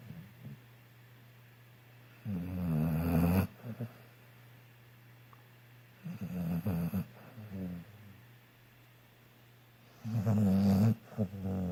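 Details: Sleeper snoring while sleeping in: loud fluttering snores every few seconds with short snorts after, over a steady low hum.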